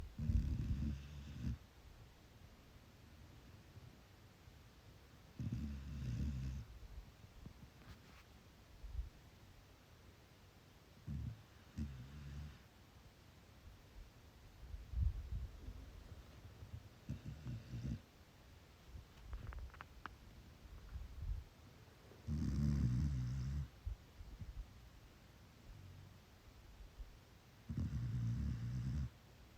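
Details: Sleeping chocolate Labrador puppy snoring in low, rumbling bursts, about 11 per minute, in a quiet room.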